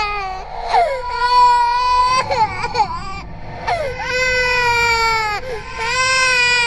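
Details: Simulated horror sound effect, not a real recording: designed ghost baby cry of high, wavering wails and whimpers in repeated bursts, layered with eerie ambience and distortion; infant cry.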